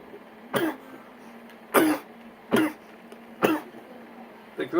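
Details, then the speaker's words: Repeated dry irritant cough after inhaling a cannabis dab: four or five short, harsh coughs spaced about a second apart. "you start coughing it's just gonna lead to a whole bunch of other costs so what I like to do is after I take with Deb I just sort of sit there and I try my hardest not to coffin"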